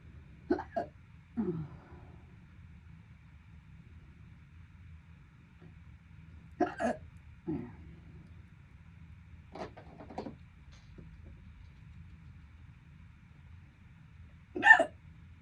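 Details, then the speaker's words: Six short, sharp hiccups at irregular intervals over about fifteen seconds, with a low vehicle hum behind them; a bout of hiccups lasting over 12 minutes, described as worsening and painful. "They're getting worse. God damn. They're getting painful."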